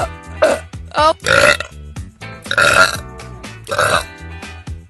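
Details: Girl burping compilation: several loud, drawn-out voiced belches over background music; repeated burping.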